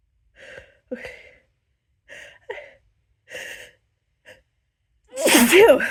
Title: loud, powerful, hitchy buildup sneezes